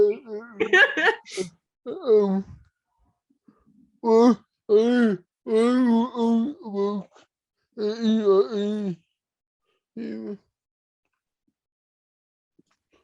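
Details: Dysarthria in cerebral palsy: male host with cerebral palsy who struggles to communicate verbally and has used an iPad to communicate; this stretch is probably him speaking.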